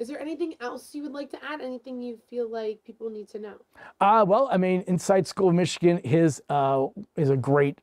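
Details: Adult interviewer, followed by a second adult speaker; normal speech.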